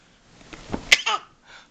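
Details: A boy deliberately fakes a sneeze on cue when told "bless you": a short build-up breath, then one sharp sneeze burst with a small voiced tail. This is fake sneezing.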